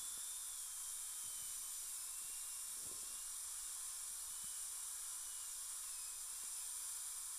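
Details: Dental handpiece with water spray removing composite from the screw-access channel of a fractured upper all-on-4 implant-supported prosthesis: steady high-pitched whine and hiss running continuously.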